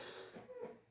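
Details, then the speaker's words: Adult woman coughing heavily while recording, voice failing; a coughing bout during speech. "A minha voz tá falhando. Eu tô com muita tosse."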